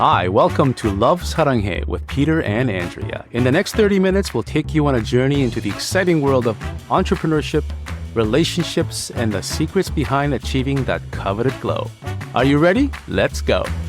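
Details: Adult male speaker; Normal fluent speech.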